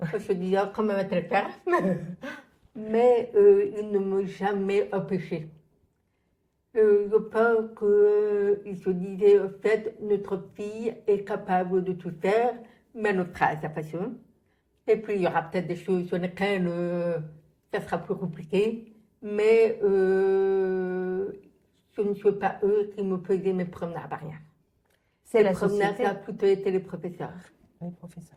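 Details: Adult French-speaking woman, profoundly deaf from birth, who relies on lip-reading and had thousands of hours of speech therapy; she says people only began to understand her speech at age 12; deaf speech.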